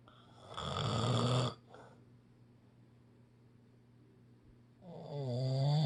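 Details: Snoring: two loud, low, rattling snores separated by a quiet pause, with a steady hum in the room.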